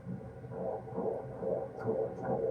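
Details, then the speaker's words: Late-pregnancy prenatal visit, delivery expected any day: fast, regular whooshing fetal heartbeat on Doppler at 135 beats a minute, steady and strong, normal. "It's just so steady and strong. I love it. That's satisfying. Good. 135. Okay, that's perfect."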